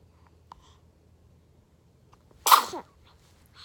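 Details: A single sharp, explosive sneeze after a quiet stretch, with a faint click beforehand: sneeze.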